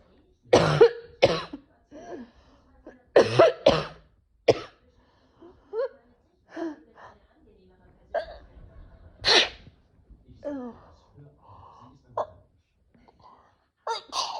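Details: An adult has several explosive coughing or sneezing bursts, followed by quieter sighs and mutters; a sudden sneezing and coughing episode, possible allergies though the cause is unknown.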